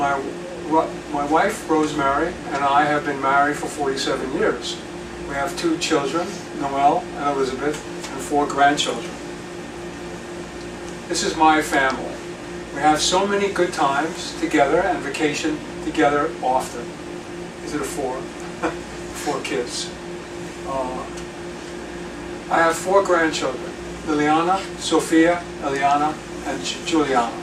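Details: Aphasia in a retired male pediatrician after a left-hemisphere stroke from a torn carotid artery in 2014; initially paralyzed and speechless, right-side movement has returned, and words are slowly unlocking with ongoing speech therapy.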